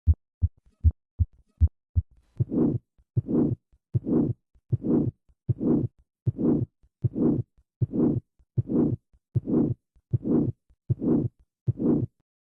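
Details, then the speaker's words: Aortic stenosis: a systolic ejection murmur from turbulent flow across the stenotic aortic valve, peaking late in systole, unlike an innocent murmur. "This systolic ejection murmur reflects turbulent flow across the stenotic aortic valve. In contrast to an innocent murmur, this murmur peaks late incally."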